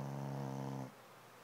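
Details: Snoring from a very sleepy dog: a single low, steady, buzzing rumble of just under a second, then quiet.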